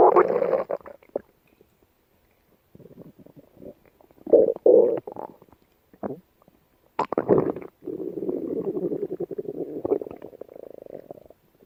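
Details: Yellow Labrador dog gut sounds: irregular gurgling and rumbling bursts with pauses between them; bowel sounds.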